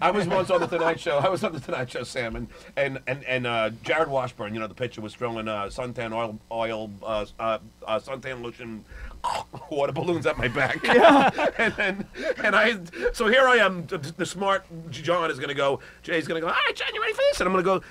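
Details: Adult male comedian telling a story in an interview; his stuttering is stated to be genuine, not an act; stuttering.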